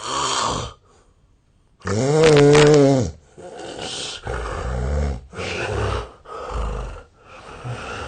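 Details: A Japanese adult's own real snoring, recorded 8 years ago when thinner: loud, rough snores with deep fluttering vibration, alternating with heavy breaths and brief pauses; the snorer wonders whether they have long had a sleep disorder.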